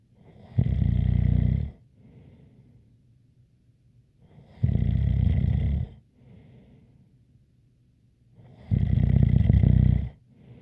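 Three loud, rattling snores about every four seconds, roughly 15 breaths a minute, with a faint whistle and softer breath sounds between: snoring.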